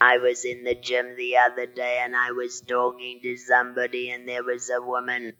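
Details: Electrolarynx speech from a patient who lost the vocal cords, using a single-pitch device held against the throat.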